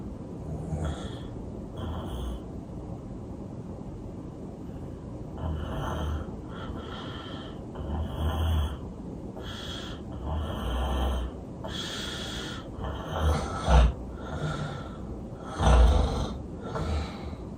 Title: Loud Snore 50